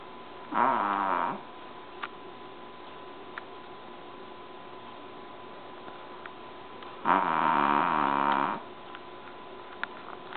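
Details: A dog that snores loudly enough to wake the family: two long, loud rattling snores several seconds apart, with quiet breathing between them; snoring.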